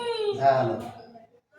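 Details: A brief, tonal wailing cry that rises and then trails off, a cry of pain during a chiropractic adjustment of a patient with severe joint pain who is repeatedly told to relax and take long breaths.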